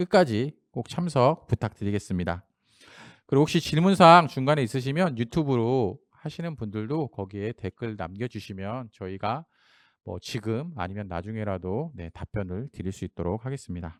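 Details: Adult man; normal speech.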